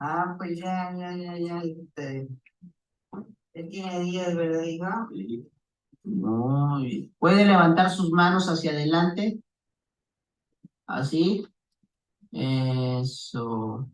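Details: Woman with stable liver failure and worsening language disturbance, ataxia, wide-based gait, freezing of gait, frequent falls, and bilateral dysmetria and reduced arm swing worse on the right; saying her name; dysarthria.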